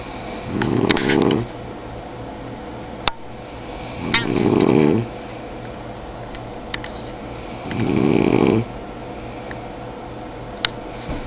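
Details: Father snoring: three loud rattling snores on the in-breath, about one every four seconds (roughly 16 breaths a minute), with quiet pauses between.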